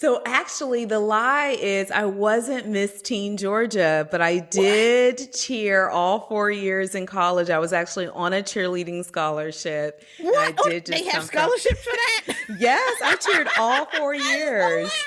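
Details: Adult woman speaking, possibly a second speaker briefly; normal conversational speech.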